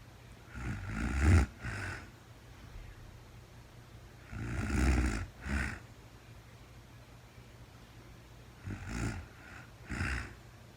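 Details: Real-time recording of a woman sleeping overnight after being very tired, no talking: rough, snorting snores in paired bursts, three cycles in about eleven seconds, over low room hum. Snoring.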